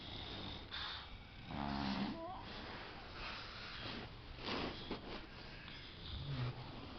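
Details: Female Boxer dog sleeping peacefully, with irregular rattly, snorting breaths against a soft room hum; snoring.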